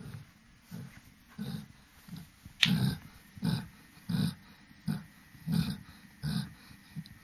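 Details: Loud, rhythmic low rumbling snorts through each breath of a sleeping dog; very loud snoring.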